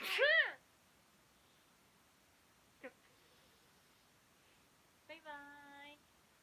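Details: Loud voiced sneeze at the start, then quiet, a brief click and a short sustained voiced sound; a sneeze made for a sneeze rock-paper-scissors game.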